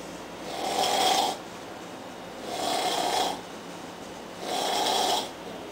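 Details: Adult man asleep on a couch around 4:30 a.m. after a long day of heavy drinking: loud, rasping snores about 30 breaths a minute with quiet pauses between; heavy snoring.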